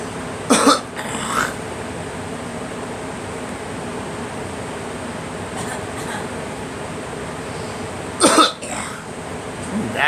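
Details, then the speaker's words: A person whose cough was not bringing anything up, now "coming up a little bit": two pairs of loose, wet-sounding coughs over a steady hum, a cough bringing up mucus. "What is I want to cough, but my body doesn't want it. It just coughs here and there. Can't get crap up."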